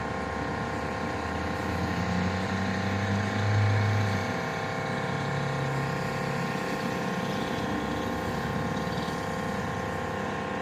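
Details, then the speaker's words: MRI scanner in a mobile trailer in a hospital parking lot, recorded from outside during an adult man's brain MRI checking a brainstem mass; steady low droning with rhythmic mechanical pulsing and outdoor noise: MRI scanner noise. "I'm outside the trailer you can imagine how loud an MRI is being inside the machine"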